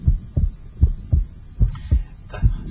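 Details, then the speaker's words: Regular first and second heart sounds at about 78/min at the pulmonic area through an electronic stethoscope; physiologic splitting of the second sound, widening with inspiration and single with expiration. "heart sound splits or becomes wider normally with inspiration and become single with expiration"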